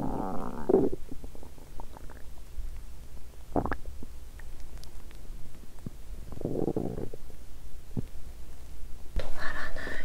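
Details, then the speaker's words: Loud gurgling and rumbling bowel sounds in several bursts from a woman's empty stomach after exercising while hungry; borborygmi. "Bụng tôi muốn ăn sớm 😂 “ Cho tôi ăn sớm!” Hét lên!"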